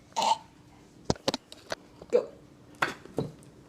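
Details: Person with hiccups while trying home remedies: several short, abrupt throat sounds at irregular intervals in a quiet room; hiccups.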